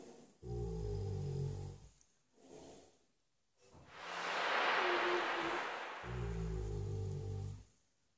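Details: Six-year-old shire horse flat out asleep in his stable, snoring loudly: deep rumbling snores alternating with long airy breaths out.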